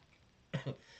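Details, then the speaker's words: Cough from an adult man who is not sick, after a long run in the cold: two quick, low, throaty cough bursts in a quiet room. "i'm coughing tonight it's i'm not sick i went on a long run and it got really cold"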